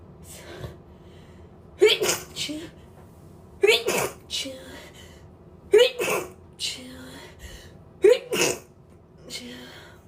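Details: Girl: four sharp sneezes at regular intervals, each with a quick inhaled build-up and a brief trailing sound. Repeated sneezing.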